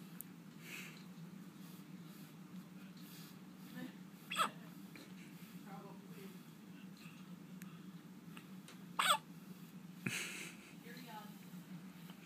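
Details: A child with yet another bout of hiccups, recorded Sept 17, 2013: sharp, abrupt catches repeating every few seconds over steady room hum.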